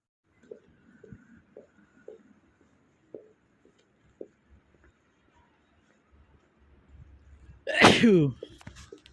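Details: Male sneezer, compilation of random and cold sneezes: quiet sniffs and small catches of breath, then one loud, explosive sneeze near the end; sneezing.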